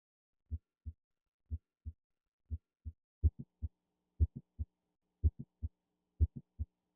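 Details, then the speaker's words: Simulated heartbeat near 60 a minute in mitral valve prolapse: several midsystolic clicks introduce a high-frequency late systolic murmur crescendoing into the second sound; the click appears in later beats; midsystolic click with late systolic murmur. "Our patient has several midstolic clicks that introduce the murmur. The murmur crescendos into the second sound and is high frequency."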